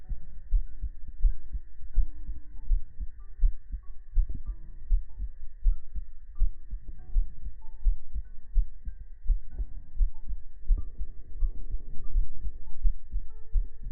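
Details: Heart-sound segment of a sleep ASMR stream: soft, regular low thumps at about 80 a minute under a steady hum and faint tones; calm heartbeat.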